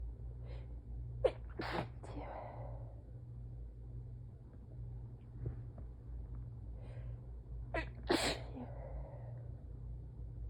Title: SUPER messy, tired, itchy sneezing fit (4/4)